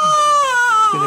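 A newborn's high, strong, tonal cry held in one sustained wail with a falling pitch, a normal healthy cry.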